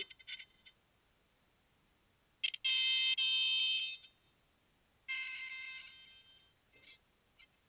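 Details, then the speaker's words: Male patient with L3–L4–L5–S1 disc bulges and bilateral sciatica, during electro-acupuncture: high-pitched electronic beeps with long sustained tones, the device reading above 500 to confirm the needle is placed at the correct point. "ఆ sound B వింటున్నారు కదా అది 500 above చూపిస్తుంది అది అంటే అది correct point అన్నమాట"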